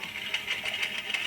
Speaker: this is a stepper motor controlled by a esp32 microcontroller it's a part of a low-cost ventilator prototype that i'm working on